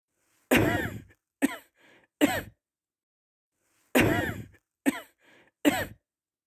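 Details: Two identical runs of three short, harsh adult coughs, six in all, from a sound-effect recording; cough.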